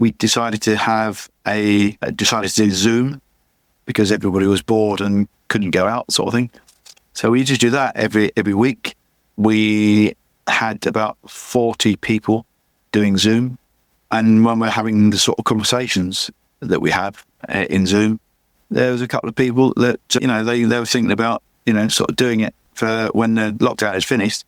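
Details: Adult male with chronic aphasia after a massive stroke about 11 years earlier; still unable to read or write; aphasia.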